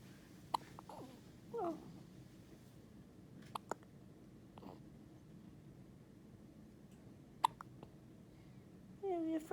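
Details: An infant's first hiccups: several soft, sharp, brief catches at irregular intervals with a few small baby sounds, in a quiet room.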